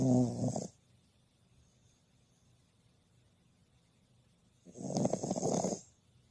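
Two rough, rattling snores about four seconds apart, with quiet breathing between; a dog snoring in sleep.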